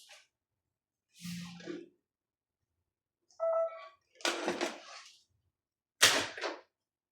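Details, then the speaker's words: Short electronic beeps and tones separated by silences with brief hissing bursts, as a harmonic ultrasonic surgical generator handpiece is tested for a replace-instrument error: generator test tones. "Ito testing din natin kasi ito rin hindi rin gumagana to."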